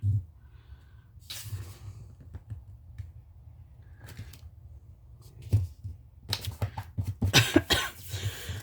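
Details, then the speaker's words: An adult who still has an ongoing cough coughs several times, with isolated coughs early and a closer run of coughs near the end. "I've still got a cough, as you can hear."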